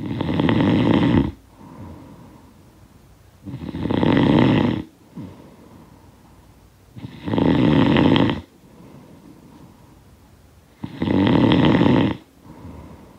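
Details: Snoring sound-effect recording: loud rattling snores on each breath in, about 17 a minute, with softer breathing out between; snoring.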